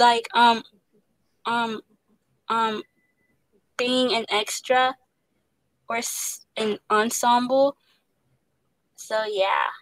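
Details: Young woman who stutters, an actress voicing the lead character of an animated series; stuttering.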